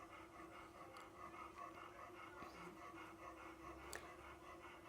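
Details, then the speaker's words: Old Labrador, probably recovering from TPLO surgery: rapid fairly steady panting, about 140 breaths a minute, judged a mild breathing abnormality, not really bad. "What's the severity of his breathing abnormality right now? Who thinks he's mild?"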